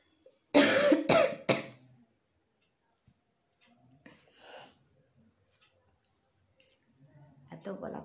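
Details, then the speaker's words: Real cough in a person with a hoarse, tickly throat and no cold, coughing a lot after festival outings and kept awake last night by coughing at bedtime. Three quick, harsh, dry coughs, then quiet breathing; cough. "তো কাশি হচ্ছে ভালোই, কালকে রাতে তো ঘুমাতেই পারছি না, যেই ঘুমাতে যাচ্ছে অমনি কাশি শুরু হয়ে যাচ্ছে।"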